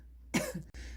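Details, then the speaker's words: One short cough against low room hum from a mother with a lingering cough about a month after COVID-19 infection, which she says has much improved. "지금도 기침을 좀 하는데 어 이게 많이 좋아진 거예요"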